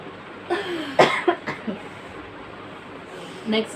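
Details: Sneezing fit, apparently induced with chikni powder: a quick burst of four or five explosive sneezes, then a pause and one more sneeze.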